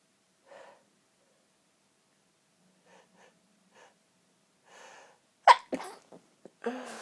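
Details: Several quiet catching breaths, then a muffled, held-back sneeze burst followed by short stifled puffs and a breath out; a deliberately stifled sneeze.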